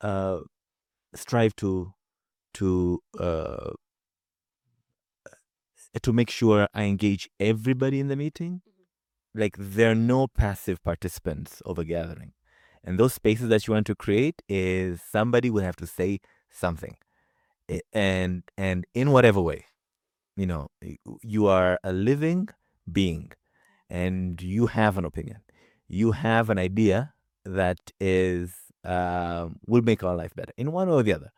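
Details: Adult man from Zanzibar who stutters and works with a community of people who stutter; stuttering.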